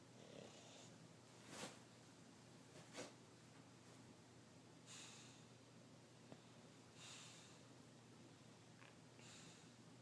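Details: Sleeping English bulldog: soft, irregular snorting snores with breathy hisses, about 40 a minute, over steady room hum; snoring.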